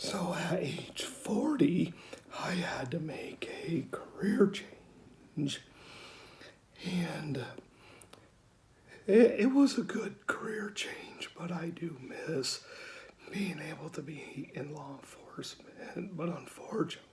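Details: 49-year-old man with rare mixed adductor/abductor spasmodic dysphonia, diagnosed at 35 (14 years ago), self-described somewhat severe; Botox relief lasts only about three weeks; due for next injection, a typical voice day; spasmodic dysphonia (mixed adductor/abductor).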